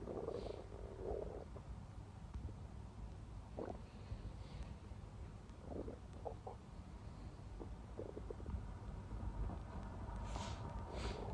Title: stomach growling non-stop | close up